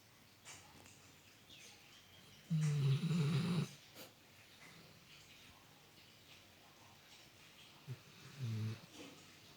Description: Riley, my dog, snores so loud that sometimes I wake up in the middle of the night 😒